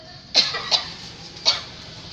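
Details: Three short, dry coughs from an adult, acted out as a simulated demonstration in a student cough-etiquette tutorial.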